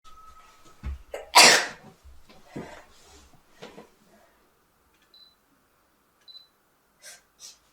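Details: Sneezing sample: a sharp inhale, then one forceful, hissing sneeze, followed by quieter breaths and a couple of small sniffs.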